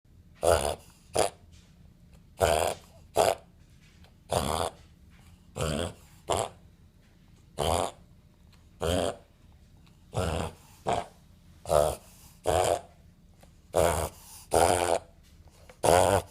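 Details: 5-month-old Boston Terrier having a reverse sneezing episode, with repeated short harsh snorting inhalations, described as normal for the breed; reverse sneeze.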